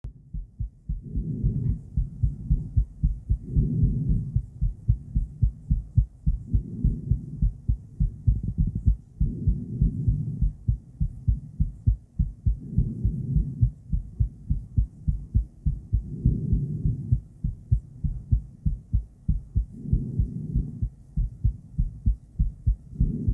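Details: Adult female heartbeat picked up with an ultrasonic Doppler device: fast, steady pulsing whooshes.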